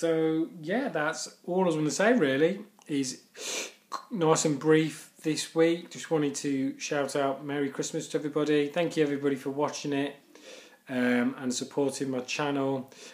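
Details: Stuttering in a male speaker who stammers.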